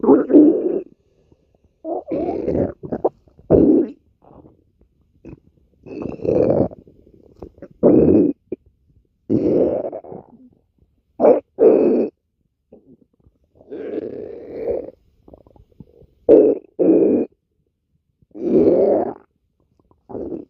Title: stomach growling